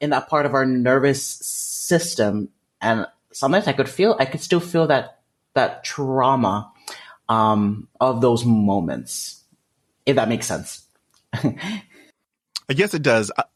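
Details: Adult male with developmental stuttering, which he describes as a speech disfluency; stuttering.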